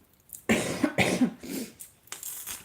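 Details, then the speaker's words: A few harsh, fairly dry cough bursts in a small room from an adult with a lingering cough after a summer cold, described as better than last week. "正しいのは、運を巻き上げてはいけないという意味で、2秒前に私は大丈夫だと言いましたが、また咳が出ます。"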